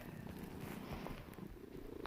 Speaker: why are you snoring so loud I'm sleeping I see your eye open and snoring literally my gosh